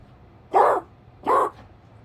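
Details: Two short harsh honk- or bark-like bursts from a dog (Kirby); a dog coughing.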